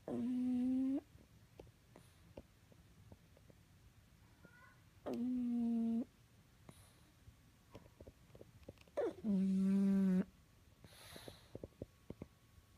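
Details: Male pug with a snoring problem: three drawn-out, buzzing, tonal snores about four seconds apart, with soft ticking noise between them.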